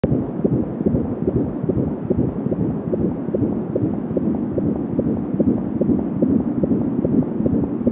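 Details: Fetal heartbeat at 19 weeks of pregnancy, heard for the first time on an Angel Sound fetal Doppler: rapid, steady galloping whooshes at about 170 beats per minute, with whooshing umbilical cord sounds.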